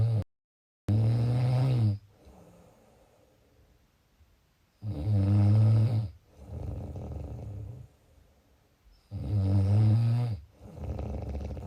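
Deep, low rumbling snores on each breath in, with softer breaths out, about 7 breaths a minute. This is heavy snoring.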